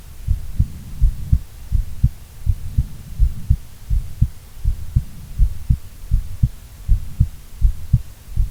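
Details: Female heartbeat, long recording: steady, regular lub-dub of low thuds at about 82 beats a minute with no added sounds; normal heart sounds.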